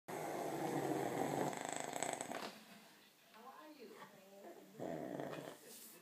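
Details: Adult man (father), very tired after a long workday, asleep in a chair: loud, harsh rattling snore on inhalation, quieter breathing, then a second harsh burst; heavy snoring.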